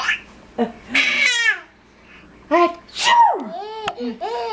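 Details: Infant's sharp, breathy bursts trailing into squeaky voiced sounds amid babbling, small ordinary sneezes.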